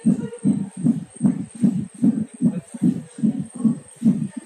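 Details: Fetal heartbeat at 9 months of pregnancy, heard in the womb: rapid, regular whooshing beats at about 150 a minute, within the normal range.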